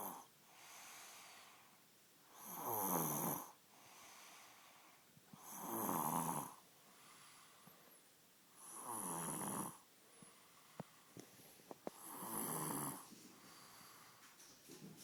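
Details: Loud rattling snores alternating with quieter breaths, about ten breaths a minute in a steady rhythm; snoring during sleep.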